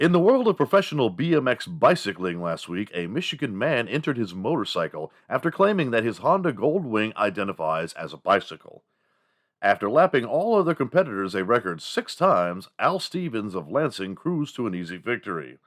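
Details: Adult male narrator; normal speech.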